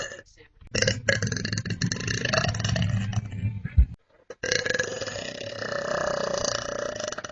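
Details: Long, deep, rumbling belches in a small room; repeated burping.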